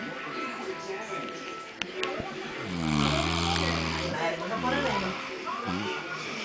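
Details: Uncle snoring: loud, low rattling snores over two or three breaths, with background music and faint talk; snoring.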